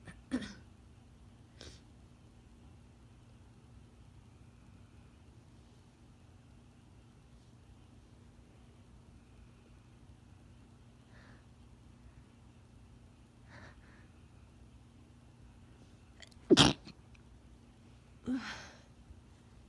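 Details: Sharp, muffled stifled sneeze and a smaller one after it, from a female with a bad cold/sinus infection.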